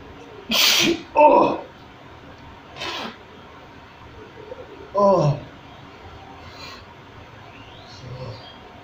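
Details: Self-provoked sneezing triggered at home with a toothpick in the nose: two sharp sneeze bursts, each followed by a voiced cry, with soft breaths and brief talk in a quiet room.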